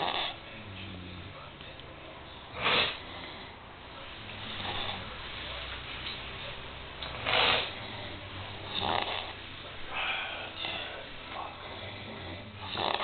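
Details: Several snorers: irregular snorting snores, some louder bursts, with a second softer snore overlapping, about 20 a minute.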